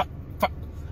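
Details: A single abrupt, short yelp- or cough-like vocal burst breaks a pause in an adult stand-up comedian with Tourette syndrome: a simple vocal tic.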